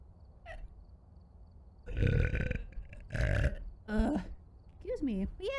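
Two low, throaty burps followed by brief voiced sounds and chatter.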